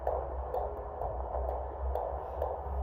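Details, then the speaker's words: Fetal heartbeat heard on Doppler at a 23-week antenatal GP appointment; the baby was asleep. Rhythmic whooshing pulses over a low hum, roughly 130–140 per minute. "And then we did the Doppler, so I'll insert a little clip so you guys can hear the heartbeat."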